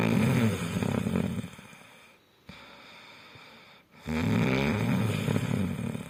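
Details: Loud, low, rattling snores with quiet pauses between them from a sleeping dog; ordinary snoring.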